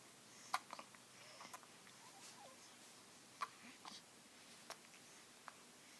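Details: Girls with hiccups: faint, sharp hiccup sounds at irregular intervals, about 20 a minute, over quiet room noise.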